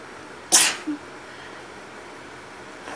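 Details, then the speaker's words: One sharp, hissing sneeze burst followed by a brief voiced tail in a quiet room, partly induced, from a person who has been sneezing all day with a stuffy nose. "So I've been sneezing a bunch today and my nose is kind of stuffy, so I thought I would do a couple more sneezes and try to give you guys a really good blow."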